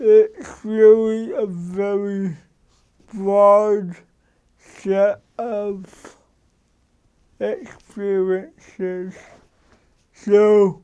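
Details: Adult man with cerebral palsy since birth who adjusts his speech so others understand him; dysarthria due to cerebral palsy.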